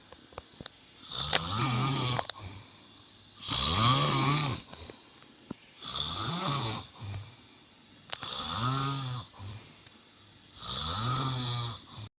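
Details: Adult man, a dad, asleep with an olive on his nose: loud, rattling snores with each breath, about five in twelve seconds, roughly 25 a minute; heavy snoring.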